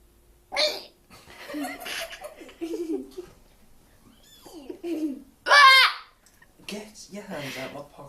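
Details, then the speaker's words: Child with hiccups on holiday: two sudden, sharp hiccups, one quiet and one louder, amid giggling and chatter. "What was that? Was that a burp or a hiccup?"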